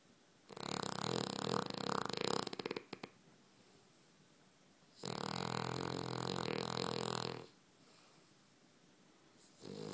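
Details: Molly the dog snoring loudly like a pig while dreaming in sleep: two long, loud rattling snores a few seconds apart with quiet breathing between and the start of a third.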